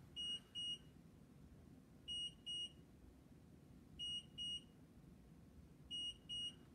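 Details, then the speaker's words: Paired high electronic beeps repeating about every two seconds over quiet room noise: the alert tone of the speaker's own patient monitor, worn on him during a live craft demonstration. "so guys you saw when we started the video tonight know that beep is mine is my monitor Cindy that's hooked up to me to make sure I'm alive"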